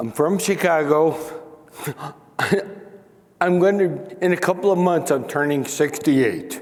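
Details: Man aged nearly 68 with spinocerebellar ataxia diagnosed in 1995 (about 28 years earlier), who lost the ability to sing and to make announcements, mispronounces names, and reports forgetting what he is saying; ataxic dysarthria.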